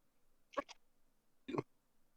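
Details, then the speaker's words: A quick clipped gasp followed by a sharper explosive burst: a single muffled sneeze during a live chat stream. "what happened oh i sneezed oh that sounded really weird on my end"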